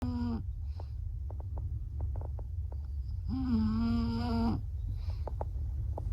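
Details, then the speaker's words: Snoring: two droning, nasal snores about three seconds apart, with soft clicks between them over a low room hum; ordinary, harmless snoring. "You've been snoring. Yeah."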